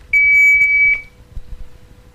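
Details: Automated external defibrillator (AED) switched on during a St John Ambulance training demonstration after CPR: a single high, steady beep about a second long, then quiet room noise.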